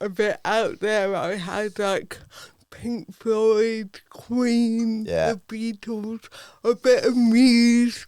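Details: Adult woman with cerebral palsy from birth affecting her speech, Paralympic dressage rider; dysarthria (cerebral palsy).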